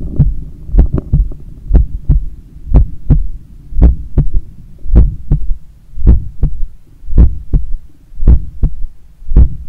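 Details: Steady, deep paired heart thumps at about 55 beats a minute over a low hum, recorded just after waking in the morning; an ordinary resting heartbeat.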